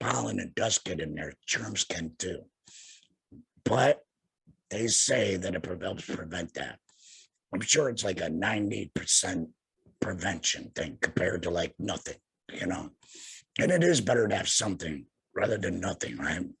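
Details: Tracheoesophageal (alaryngeal) voice in an adult man about two years after total laryngectomy for head and neck cancer, speaking via tracheoesophageal puncture by finger-occluding his stoma/HME.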